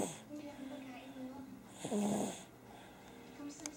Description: cute baby snoring while sleeping